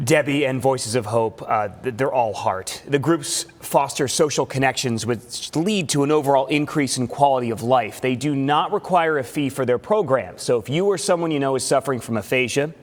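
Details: Adult news reporter; typical speech.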